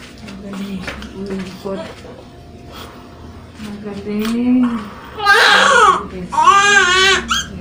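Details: Quiet adult voices, then loud, high-pitched newborn cries in two bursts just after a normal birth of a second baby; a normal cry.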